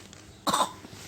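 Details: Child said to have fever, cough and flu: a single short, harsh cough burst against quiet room noise.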